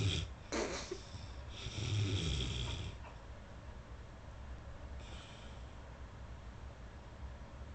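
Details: Snoring, recorded with iVidCam on an iPhone: a brief snort, then one rough, rattling snore on the in-breath, then quieter breathing in a hushed room.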